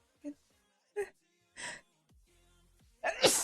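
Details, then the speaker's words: Person, unsure whether it may be allergy, sneezing a lot: several short sharp bursts, then a louder explosive burst at the end, a run of sneezes. "oh man cold I'm warning you today I'm sneezing a lot and it's still it started to trigger me"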